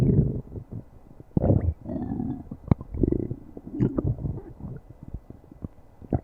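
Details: Low gurgling rumbles and bubbling pops from the belly: stomach growling, borborygmi.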